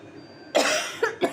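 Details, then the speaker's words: Cough from a woman cooking, who says her throat feels off and she has a cough. "আমার গলাটা কেমন লাগছে তো আমার না কাশি"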